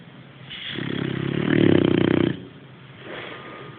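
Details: Sleeping boxer dog snoring: one long, rough, rattling snore on the in-breath, followed by a softer breath out.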